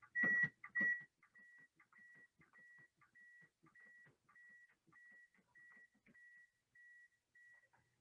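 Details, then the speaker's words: AED metronome beeps at 100 per minute after a couple of louder tones, pacing hands-only CPR chest compressions resumed after a shock is delivered; a nurse educator's training demonstration. "i want to compress at the rate that the aed beats that's that at 100 beats a"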